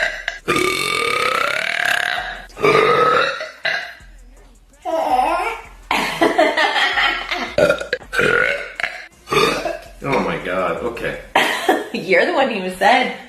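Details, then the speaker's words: Girl makes several long, loud, deliberate voiced belches one after another, with shorter ones and laughter between; she says she may have had too much; repeated burping. "turn the camera on cuz I burped and I didn't say vomit on the freaking dinner table"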